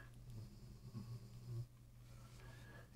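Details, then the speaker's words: Sleeping dog snoring in the background of a quiet room: low, rumbling snore bursts; snoring. "you can hear snoring in the background that's my dog"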